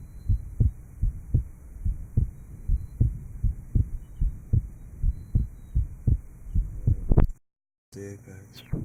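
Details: 1955 Johns Hopkins heart sound laboratory recording: regular low heart sounds through a stethoscope after surgical repair of an atrial septal defect.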